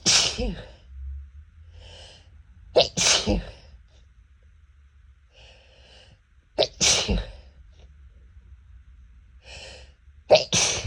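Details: Person allergic to cats sneezing: three loud, explosive sneezes, each preceded by a sharp inward breath, with quieter breaths between; allergic sneezing.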